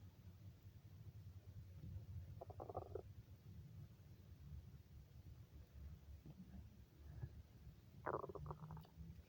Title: Weird stomach growls hungry girl